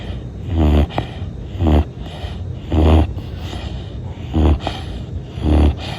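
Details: Sleeping black fluffy dog gives five rhythmic, low rumbling snores in quick succession with quiet breathing between; ordinary snoring.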